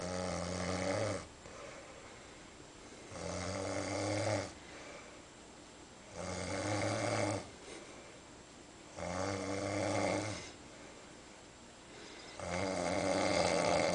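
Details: Loud, rattling snores on each breath in, about 19 a minute, with quiet breathing out between them.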